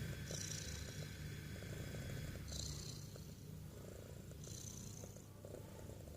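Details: Awake cat making steady low rumbling, snore-like breathing with faint hissy breaths about every two seconds; harmless snoring while awake.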